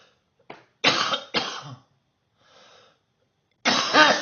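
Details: A short run of about four harsh coughs, one ending in a voiced groan; a coughing fit first thing in the morning, with the cough described as bad that morning.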